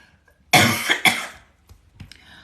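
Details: Ordinary cough: two harsh, dry cough bursts close together, then quiet breathing and small noises, from a person with essential tremor on a live stream whose voice was lost after karaoke and whose throat feels dry.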